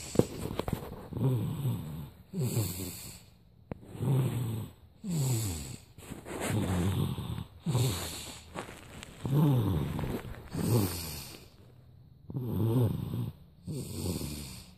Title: Snoring up a storm